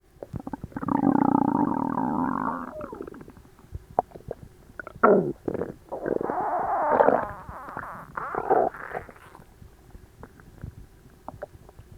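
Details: Stomach noises recorded right after overeating at Christmas dinner, with the belly tight and achy: loud, prolonged gurgling and rumbling with bursts of bubbling, active digestive borborygmi.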